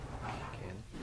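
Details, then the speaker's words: Bronchophony: the patient says "99" while the chest is auscultated, and the transmitted voice sounds louder and clearer than normal, following quiet muffled chest sounds. "voice sounds that are louder and clearer than normal as in this example are called Branca funny"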